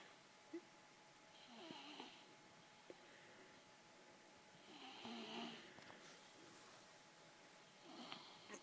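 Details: Female, described as a loud snorer, asleep on the floor: faint, slow, soft snoring breaths a few seconds apart with quiet room noise; light snoring.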